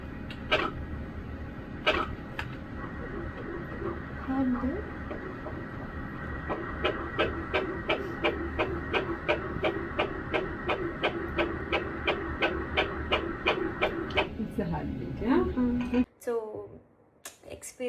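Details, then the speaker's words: First-scan fetal heartbeat on ultrasound: rapid, regular whooshing wave-like pulses at about 170 a minute, heard by the mother as a "jigi jigi" sound rather than lub-dub. "ನಿಜವಾಗ್ಲೂ ಅದು ಆತರ ಕೇಳಿಸೋದಿಲ್ಲ ಒಂತರ ಒಂತರ wave ತೆಗೆ ಜಿಗಿ ಜಿಗಿ ಜಿಗಿಜ ಆತರ ಸೌಂಡ್ ಕೇಳಿಸುತ್ತೆ ಅವರು ಹೇಳಿದಮೇಲೆ ಗೊತ್ತಾಗಿದ್ದು ಇದು ಹಾರ್ಟ್ ಬೀಟ್ ಸೌಂಡ್ ಅಂತ"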